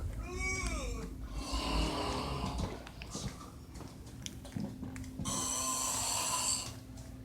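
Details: Man snoring in a small quiet room; loud, rough snoring breaths with a rattling snort.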